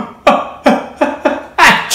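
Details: Adult male: five short, sharp voiced coughs in quick succession, about two seconds in all, a dry repetitive bout, though labeled a sneeze; cough.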